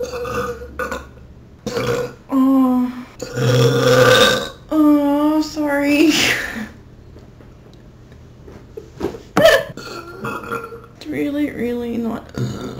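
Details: Burping attributed to fizzy drink (soda): several long, loud, voiced belches in a row with brief talk between them; repeated burping.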